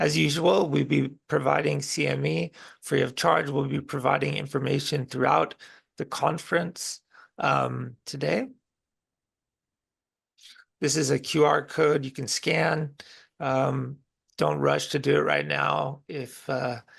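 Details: Woman with a disability involving weak respiratory muscles and a weak cough; weak voice from respiratory muscle weakness.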